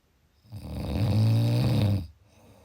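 A single loud, deep, rattling snore lasting about one and a half seconds on an in-breath, then quiet.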